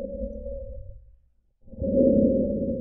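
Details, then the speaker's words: Simulated normal tracheal breath sounds over the neck on an iPax auscultation simulator: loud, harsh breath sounds with a silent pause between breaths and no heart sounds. "今日はこの辺りの二位は気管支呼吸になりますので比較的高爽やかなことが聞こえますが"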